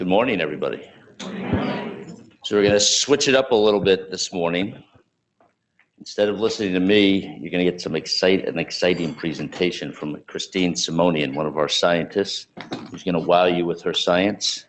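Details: Adult male speaker; normal speech.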